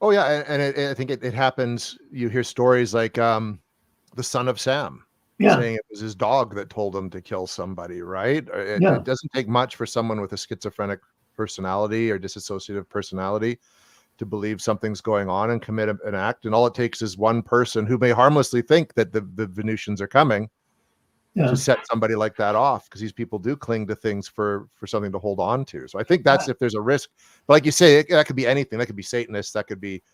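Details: Adult male speaker; typical speech.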